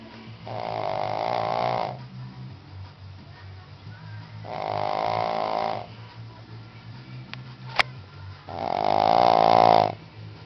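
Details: 11-year-old female Shih Tzu: three loud, rattling snores a few seconds apart, each on an in-breath, with a quiet room hum between them: snoring.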